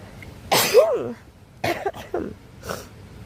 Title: More sick sneezes while resting #sneezes #shorts #sneeze #australia #bushlife ##tentlife